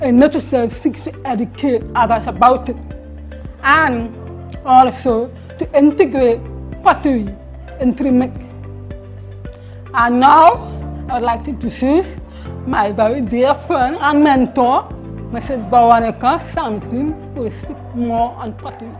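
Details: Hard-of-hearing man who wears a hearing aid and has a tight tongue: speech impediment with articulation errors.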